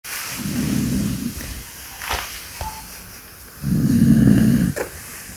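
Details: Senior dog snoring loudly: low, buzzing snores on each breath, two long snores with quieter breathing between; ordinary dog snoring.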